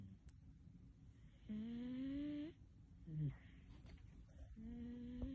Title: 33.5 seconds of my cute cat snoring.